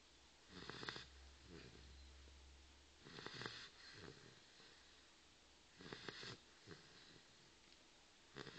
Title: brutus dogue de bordeaux snoring